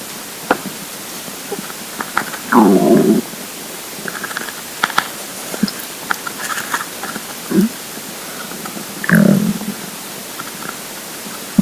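Low groaning rumbles and small gurgles over steady hiss; stomach rumbling of an empty, hungry stomach.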